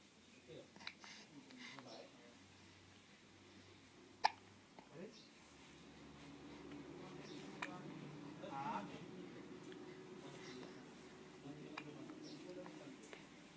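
Faint room noise with a few sudden sharp catches and soft murmured voices, fitting hiccups.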